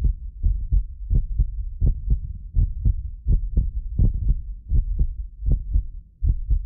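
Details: Normal adult heartbeat from a medically fit person, recorded with multiple precision contact microphones. Steady paired low thumps at about 80 beats a minute over a low hum; occasional double clicks are a microphone-delay artifact, not heart disease.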